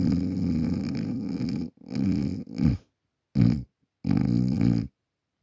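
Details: Adult asleep at night, recorded on a Samsung Galaxy A40 phone: loud, rattling snores in irregular bursts separated by short silences.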